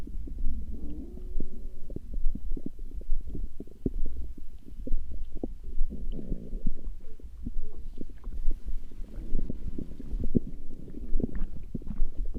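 Continuous low gurgling and rumbling with frequent short pops and bubbling; ordinary stomach growling from gas and fluid moving through the gut.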